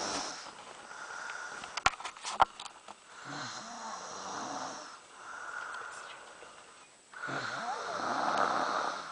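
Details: Irregular, raspy breathing during sleep with a few sharp clicks and faint room noise; snoring that goes on nightly for weeks.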